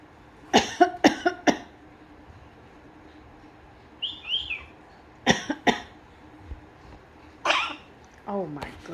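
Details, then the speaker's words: Pet bird JJ, which keeps plucking its feathers, imitating a human cough: repeated short, sharp cough-like bursts in clusters, with a few chirps and whistles between. "JJ, do you have a cold? Oh my goodness, that sounds terrible."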